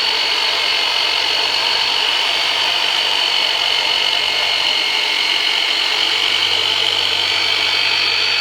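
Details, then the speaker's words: Powered percussive massage device ("turbinator") used for deep tissue work in chiropractic treatment of chronic low back pain after L5 herniated disc surgery and ineffective epidural steroid injections: steady high-pitched whirring buzz. "so I'm gonna pull out the heavy machinery on you we're going to use the turbinator on you for the very first time so just it's going to be some deep tissue work so just breathe and relax"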